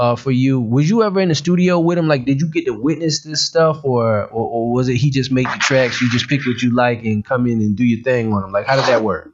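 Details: Adult male speaker; normal speech.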